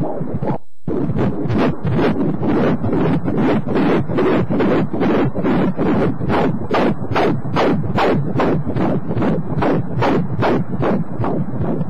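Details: Fetal heartbeat on Doppler during pregnancy (8 to 30 weeks stated): rapid, regular whooshing beats about 146 per minute, a normal fetal rate.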